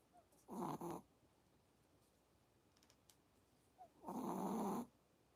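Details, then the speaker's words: Chihuahua snoring loudly during a live stream: two loud, rough, rattling breath sounds about three and a half seconds apart, each with a fluttering buzz, in a quiet room. "聞こえましたか?どこのおっちゃんかみたいな引びき書いてます。"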